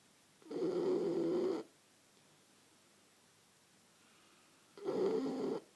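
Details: Resting animal, described as struggling for oxygen as usual: two long, rattling snores with a quiet pause between them during sleep; snoring.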